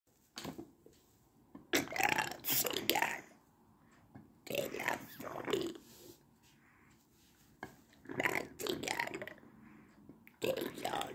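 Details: Adult male demonstrating esophageal voice, speech therapy begun April 2019; esophageal speech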